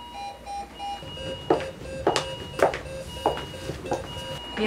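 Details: Repeating electronic alarm tones from a bedside monitor over room noise and clatter, in a simulated hospital scenario where a 62-year-old patient in conscious ventricular tachycardia prompts a rapid response call; patient monitor alarm.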